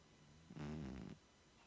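A single brief, low, buzzing snore over steady room hiss; a cat snoring while resting.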